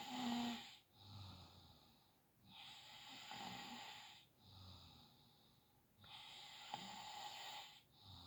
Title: snoring 🐷🤫